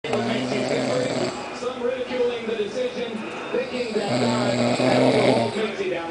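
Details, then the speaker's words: Loud, rough, vibrating snores on in-breaths with some background noise; ordinary snoring. "Give me a folder. You're snoring so loud."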